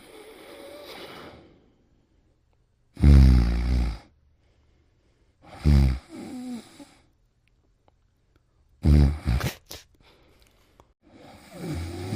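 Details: Snoring: low rattling snores recur about every six seconds, separated by quiet exhalations.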